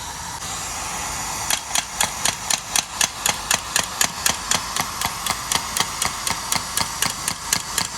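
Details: Steady hum, then loud sharp clicking pulses about four per second from an extracorporeal shockwave therapy device applied to the heel during a physiotherapy demonstration treating plantar fasciitis (heel pain).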